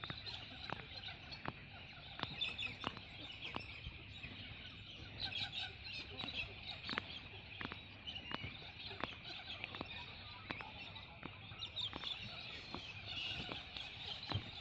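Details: Person on a trampoline cracking knuckles about 100 times: rapid run of sharp knuckle cracks, about 20 in 15 seconds, with chickens clucking in the background; harmless joint cracking.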